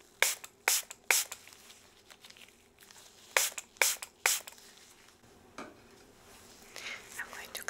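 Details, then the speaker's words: Three quick hissing spray bursts, a pause, then three more, with soft whispering and rustling: medicated ear spray applied to both ears for an ear infection in a simulated ASMR doctor roleplay. "yes yes these have like a medication inside okay yes i'm going to spray again okay both sides"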